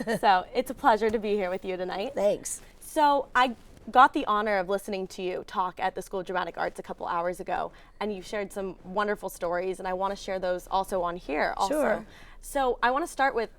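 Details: Adult speaker; normal speech.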